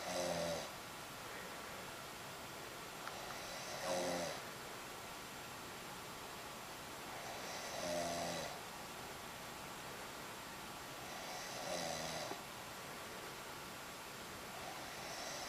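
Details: An adult woman in deep sleep, open-mouthed: four loud rattling snores on in-breaths at about 16 a minute, spaced by quiet out-breaths, over steady room hiss; snoring.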